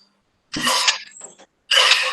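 Two harsh, forceful coughs with a short pause between them.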